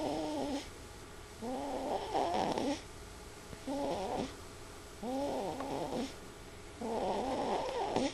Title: snores for the US of A